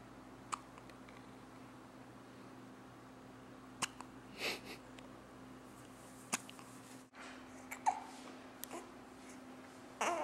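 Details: One-week-old newborn with frequent hiccups, three to four times a day: soft sharp hiccup clicks every couple of seconds.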